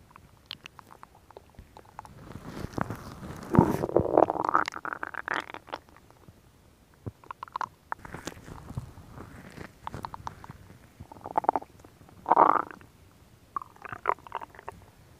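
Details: Stomach growling from a woman, recorded for ASMR: irregular gurgling and rumbling bursts with quiet gaps; ordinary borborygmi.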